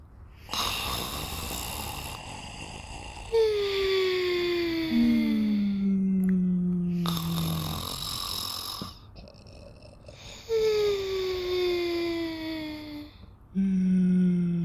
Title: Cody Sleeping & Snoring